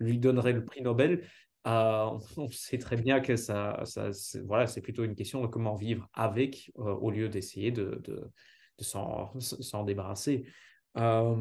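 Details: Adult speaker; ordinary speech.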